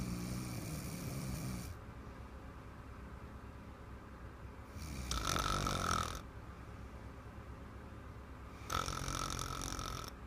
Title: Little Girl - BIG Snore !